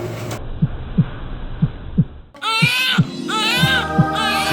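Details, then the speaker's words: Fetal heartbeat on a labour monitor during vaginal delivery, cervix fully dilated, after the mother had fever overnight and the fetal heart rate had accelerated: quick, regular low thumps, with music. "เครื่องกำลังได้ยินเสียงหัวใจของทารกในครรภ์"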